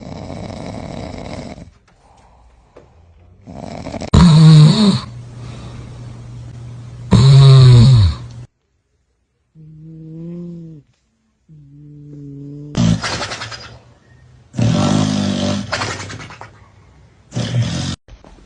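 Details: Dog snoring: loud, rasping snores alternate with quieter whistling breaths and short pauses, an irregular snoring pattern.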